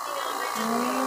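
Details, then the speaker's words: Portable dental unit plugged in and powered on, its built-in compressor building pressure: steady electric motor hum and buzz rising in pitch as it settles. "Sasa akyat na siya may kasama na pala siyang compressor"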